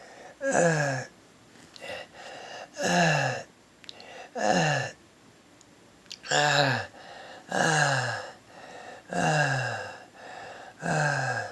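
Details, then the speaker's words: Stridor in a patient, recorded to show doctors the morning breathing trouble that gets worse each day, with inability to breathe through the nose or catch breath: rapid, loud, harsh tonal breaths with quieter gasps between. "morning I try over my bread I try to breathe through my nose and every morning just worse I can't breathe can't catch my breath"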